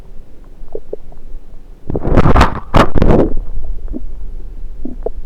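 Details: A person holds a stethoscope on various parts of their own belly. Low gurgling and rumbling bursts alternate with quieter squelches: active bowel sounds.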